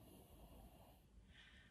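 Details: Faint, low rumbling snore with a snorting quality from a sleeping individual, heard quietly in the background of a room.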